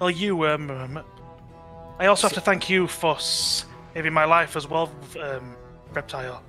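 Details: Adult man with a natural stutter that usually eases after about half an hour of speaking, heard during tabletop roleplaying; stuttering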